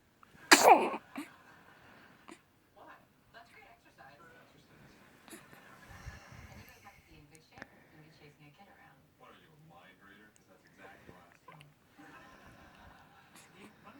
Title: Sneezing time